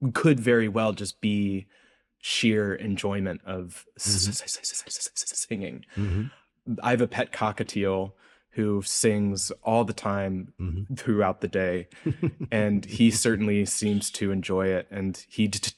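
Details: Adult researcher who says he has a speech impediment heard throughout the interview; word repetitions in this stretch; stuttering (disfluent speech).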